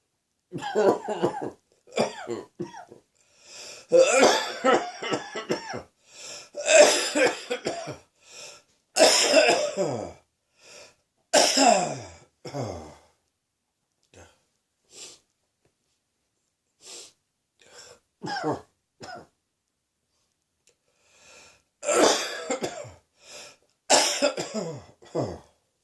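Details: Heavy cold and sore throat: repeated harsh, chesty coughs in bouts with pauses.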